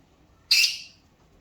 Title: Sneezing bird